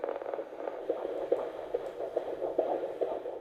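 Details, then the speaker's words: Rapid, regular whooshing fetal heartbeat about 140–145 beats a minute, heard by a midwife at a final antenatal hospital consultation late in pregnancy; very regular, good rate, everything normal; normal fetal heart rate. "heartbeat is very regular still 140 140 145 it's a good rate everything's normal"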